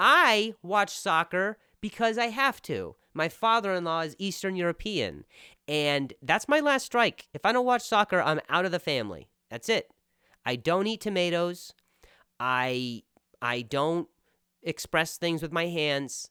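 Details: Male comedian's real stuttering during a stand-up style podcast monologue; stuttering.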